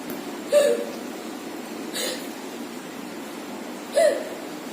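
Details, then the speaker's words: Three brief, abrupt hiccups about every one and a half seconds over steady room noise, apparently after eating spicy food; hiccups. "விக்கல் அடிக்குது அவனுக்கு, நீ போய் தண்ணி கொடுப்போம்."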